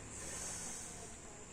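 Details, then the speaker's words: Lung auscultation with a stethoscope while the patient breathes in and out on command, then stands and turns around for the back: soft, steady rushing air, assessed as normal breath sounds without added noises. "Al momento de la valoración, los sonidos son sonidos respiratorios normales."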